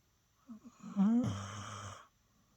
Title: Rex Snoring